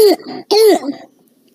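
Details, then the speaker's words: Young child with hoarseness from laryngeal and vocal cord involvement: two harsh, hoarse, seal-like barking coughs; barking cough of croup (laryngotracheobronchitis). "so what's the most probable diagnosis is it whooping cough is it foreign body aspiration is it croup or is it acute epiglottitis"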